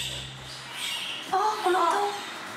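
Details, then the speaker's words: Brief high, squeaky squawking calls from a newborn giant panda twin, just born in a zoo birthing building: a normal newborn cry. "C'est le bébé? Oui. C'est le bébé qui pleure."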